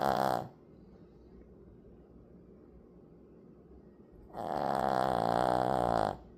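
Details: A pet snoring.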